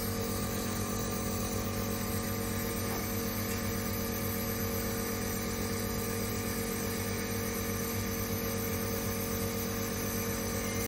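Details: Portable nebulizer running: a steady electrical hum with a low throbbing buzz throughout.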